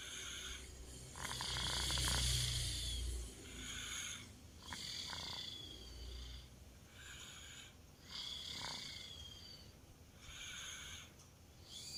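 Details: 2-year-old child snoring during sleep: soft, irregular snoring breaths with a hissing, noisy quality over steady room noise; snoring.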